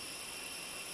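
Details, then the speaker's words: CPAP device driven by pure oxygen at 20 litres per minute, generating about 5 cmH2O continuous positive pressure measured by manometer in a demonstration: steady high-pitched hiss of turbulent gas flow through the valve. "Et on peut voir dans ce cas qu'avec 20 litres par minute de débit de gaz, on génère une pression positive continue d'environ 5 cm d'eau."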